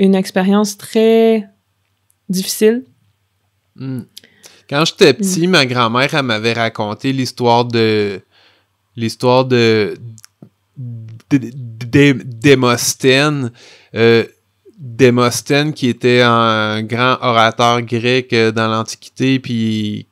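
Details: Stuttering in an adult man who has stuttered since about age 5; part-word and word repetitions heard.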